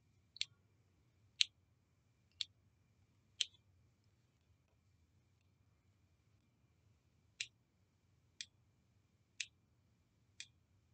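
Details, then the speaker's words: Omnipod Dash insulin pod, filled with at least 80 units and initialized via AndroidAPS (DIY looping), priming: sharp soft clicks about once a second, eight in all with a brief pause, the same sound as a bolus. "so now it's making the little clicking sound you hear this is the same sound you're going to hear when you're getting a bolus and it's just priming the Pod right there"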